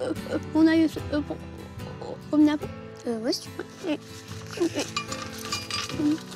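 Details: Stuttering in an 11-year-old boy, present since early childhood; speech laborious; parents' treatment attempts so far unsuccessful; real footage.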